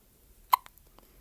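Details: 4-day-old newborn boy with hiccups, attributed by parent to feeding heavily (weight up from 6 lb 2.6 oz to 6 lb 9 oz): single sharp, squeaky hiccup then faint softer sounds, quiet room; hiccups.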